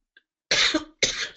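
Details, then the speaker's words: An adult coughs twice in quick succession, sharp and harsh, the first cough longer with a rough tail, in a quiet room. "I can if I can stop coughing I'm so so sorry I know that sounds horrible when it comes to cross your speakers"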